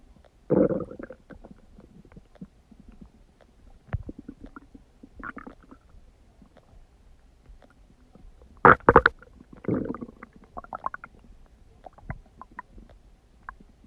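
Irregular gurgling, rumbling and squelching bursts from the abdomen: loud bowel sounds of normal digestion.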